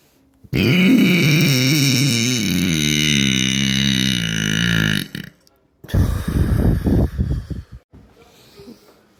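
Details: Deliberate, practiced voluntary belching by someone still learning it: one long, loud belch of about five seconds, then a shorter rough belch.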